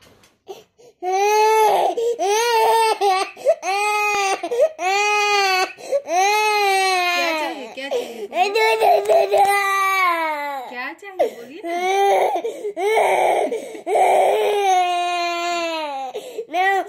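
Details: 2-year-old boy crying in a tantrum because parents won't give him the phone: loud wailing bursts with sobbing catches between them.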